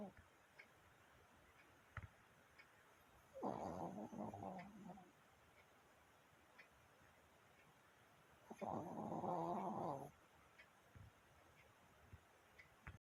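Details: 11-year-old Maltese dog snoring: two soft rumbling breaths about five seconds apart over faint background noise.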